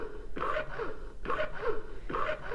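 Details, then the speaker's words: Medela Pump In Style Advanced breast pump in two-phase let-down mode: slow, gentle rhythmic suction pulses with soft hiss and whoosh about every 0.9 seconds, lower pressure, mimicking a baby's initial feeding rhythm. "notice that the sucking is a lot slower and it is a little bit less pressure inside so this is a great way to start out your pumping session because the baby does this as well they start the feeding with a slow gentle sucking rhythm"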